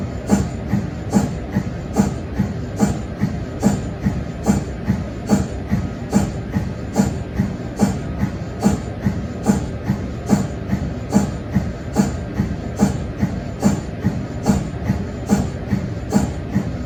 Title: MRI sound (cold head)